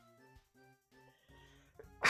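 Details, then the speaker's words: Adult doing makeup on a stream says they have to sneeze; soft background music, then a sudden loud explosive single sneeze. "I feel like if I was doing my makeup for stream probably that looks really crazy I would do my eyebrows more I gotta sneeze"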